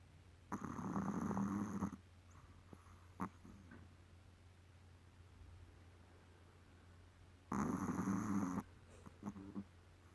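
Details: Sleeping puppy gives two long, rattling snores about seven seconds apart with quiet breathing between; owner says it snores like a person.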